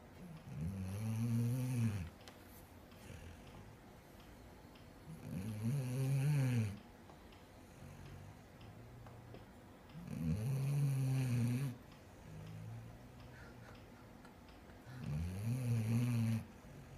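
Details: Basset Hound snoring loudly enough to rattle windows: slow, regular low rumbling snores, about 12 a minute, each a second or two, with quiet breathing between.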